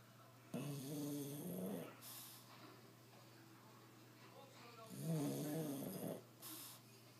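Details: Sleeping dog: two long rattling breaths with a soft hiss between them over a steady room hum; snoring.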